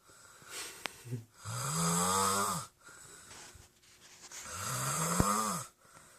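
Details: Young boy snoring after falling asleep early on Christmas Eve: two long, loud, rough snores with whistling, tonal in-breaths and quieter breaths between.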